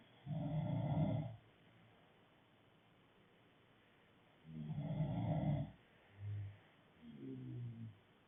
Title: Snoring part 5